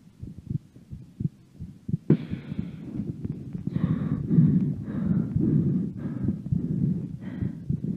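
Low, dull heartbeat thumps with a soft rushing hum, recorded during a breath hold; about 50 beats a minute.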